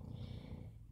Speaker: that snoring noise you hear that's my dog so if you hear that throughout the video I'm sorry she snores really loud